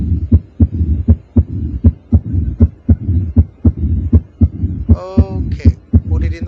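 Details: Heart murmur of an unnamed type, posed as a quiz: a regular heartbeat of about 79 per minute with a continuous low rumbling murmur filling the gaps between beats.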